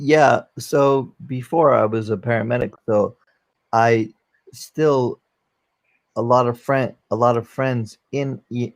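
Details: 44-year-old man, former NYC paramedic, with aphasia from a stroke during valve surgery, unable to use one arm; aphasia.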